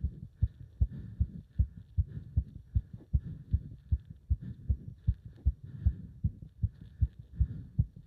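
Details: Heart sounds during leg wrench exercise, pulsation felt up to the subclavian artery: fast, strong, regular pounding heartbeat at roughly 150 a minute.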